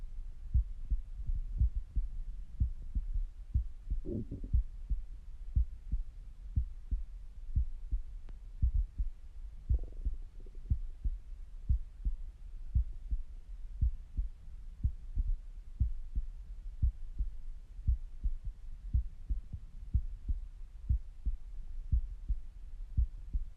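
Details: At rest, stethoscope recording: steady, soft heartbeat at about 57 beats a minute with two brief stomach gurgles; normal heart sounds with bowel sounds.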